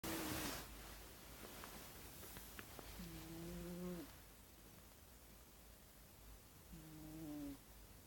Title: Cat Snoring So Cute